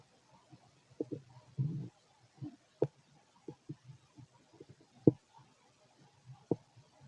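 Irregular soft gurgles, pops and brief rumbles from the abdomen, in keeping with ordinary digestive bowel sounds.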